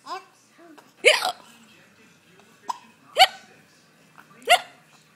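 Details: Person with hiccups: sharp, abrupt voiced hiccups, three to four in five seconds, with laughter between them.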